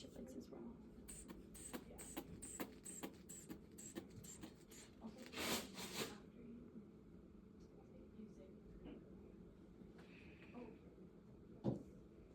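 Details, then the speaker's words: Manual blood pressure measurement on the arm at the brachial pulse: repeated squeezing puffs of a hand bulb inflating the cuff, then a rush of air. "I felt it at about 130, so we're just going to inflate it 20 higher, release that to about 150."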